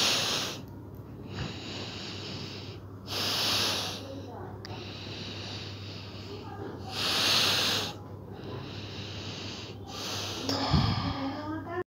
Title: Sleep snoring 🤣 #silence